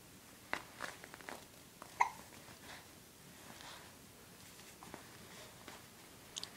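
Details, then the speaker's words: Repeated short, sharp hiccup sounds, a few within several seconds, in a quiet room, from a young girl who has hiccups and is told to drink: ordinary hiccups. "You have hiccups? Drink."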